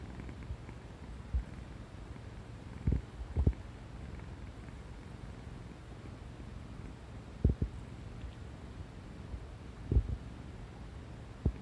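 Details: A sleeping tabby cat purrs steadily in a low tone while an adult's stomach gives brief gurgles and rumbles; these are bowel sounds.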